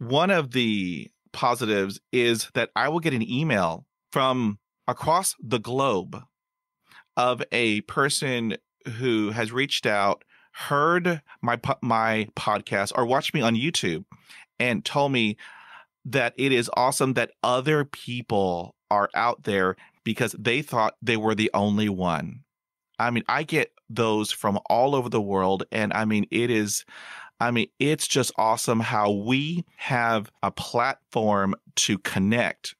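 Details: Stuttering in an adult man who still stutters.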